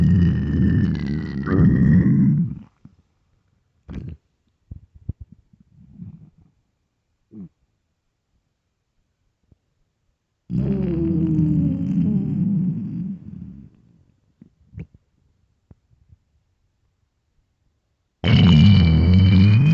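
Loud, low gurgling growls from the stomach come in long rumbling bursts with small bubbling pops between them, typical of a hungry stomach.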